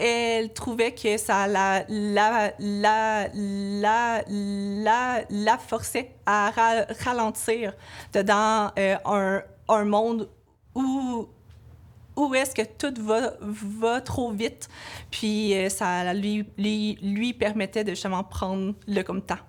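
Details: Adult woman, a French-speaking laboratory supervisor, who has stuttering.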